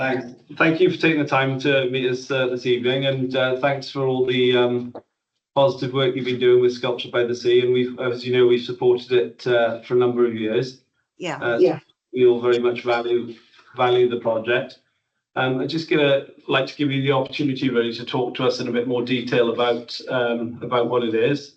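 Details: Adult male speaker; normal voice.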